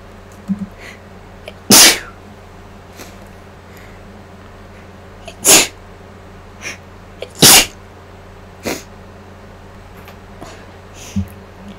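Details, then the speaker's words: Person sick with flu for 8 days, still congested and nearly voiceless, inducing sneezes with mic gain turned up: three loud, abrupt sneezes with softer snorts and sniffs between, over low room hum. "so I'm just going to get started with the inducing now also to let you all know I have the gain turned up on the mic so my sneezers are going to kind of maybe sound a little softer than this"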